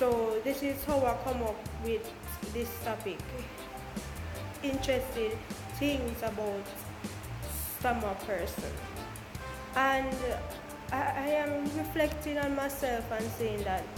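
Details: Jamaican woman who stutters, speaking about her own stammer: stuttering.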